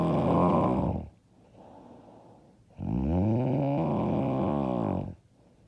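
Two loud, rough, rattling snores on breathing in, separated by a quieter breath out; heavy snoring.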